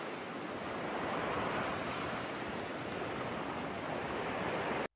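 Steady, soft rushing of gentle ocean waves fills most of the clip, then a brief vocal fragment: a hearing-aid tinnitus-relief nature sound.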